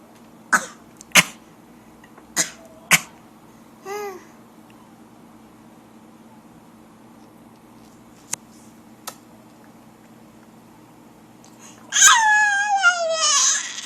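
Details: An adult and a baby trade deliberate coughs: four short, sharp voluntary coughs back and forth, then a brief coo and a higher infant squeal.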